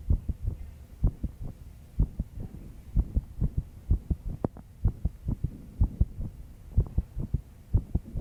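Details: Heartbeat of a 22-year-old female, stressed after pulling an all-nighter. Steady paired thumps at about 62 beats per minute over a low background hum: heartbeat.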